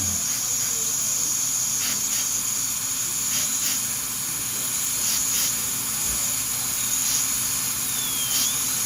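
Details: Steady high-pitched whine with faint airy hissing and brief pitch changes as a high-speed dental drill with a 012 burr cuts through the embrasure and thin enamel, preparing teeth #7 and #8 for porcelain veneers.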